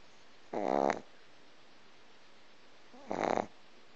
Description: Chip, 3 month old Boston Terrier, snoring and dreaming